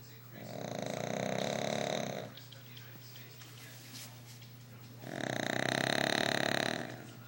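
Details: Fat dog snoring very loud while asleep: two long, rough, buzzing breaths about three seconds apart with quiet between.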